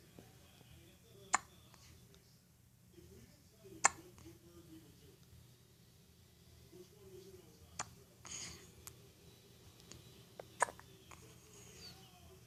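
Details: Baby with hiccups, appearing annoyed: sharp, brief hiccup sounds recurring every few seconds in a quiet room, with soft baby sounds in between.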